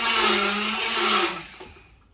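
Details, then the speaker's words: Horse during a routine dental appointment with a professional equine dentist: a loud, steady, high grinding whine from a motorized dental float with a tissue-sensitive diamond filing the teeth, then winding down; motorized equine dental float. "okay so power tools these instruments get a bad wrap because a lot of people overuse them and we use them very loudly"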